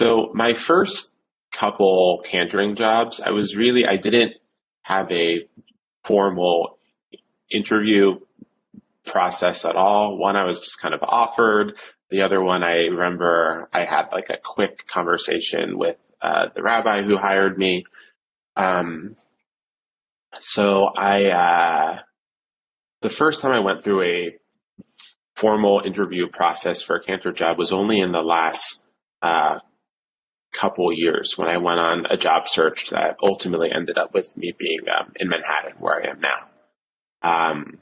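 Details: Adult male who has stuttered since childhood, severe with many blocks since age seven, reporting secondary behaviours such as eye closing and facial contortions during blocks; stuttering.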